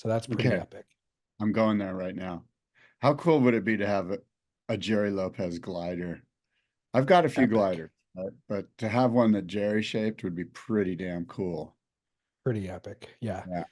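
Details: Adult male speaker; normal voice.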